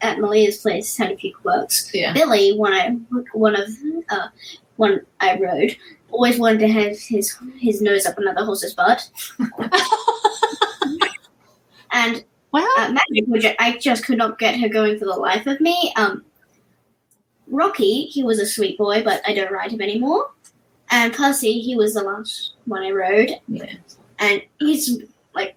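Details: Cluttering that has resurfaced, in the host's eldest daughter, who also has autism, ADHD and dyspraxia.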